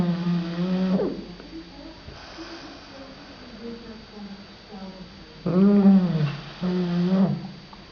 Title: snore